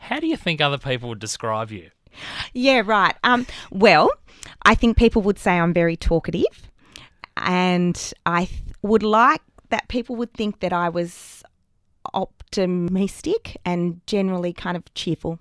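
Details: Adult woman with persistent stuttering, much worse in childhood, word repetitions audible; stuttering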